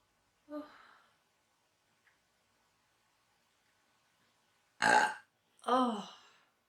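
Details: Woman deliberately inducing burps, which then give her hiccups: a soft belch, then two loud voiced belches a second apart; belching.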